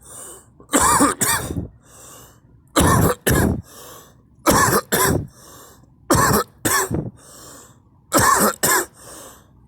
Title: me coughing